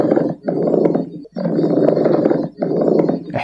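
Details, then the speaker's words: Pleural friction rub in acute pleurisy, with inflamed visceral and parietal pleura rubbing together: rough, leathery grating heard continuously with both inspiration and expiration on chest auscultation. "خاصه لما العيان يبقى عنده بلوري اكيوت بلوري في عنده انفلاميشن في البلور ممبرين فعندك فيرال بلورا ورايت الب الاتنين ملتهبين وبتحرك اجينست اش اار ده بيعملك نوع من الفركشن"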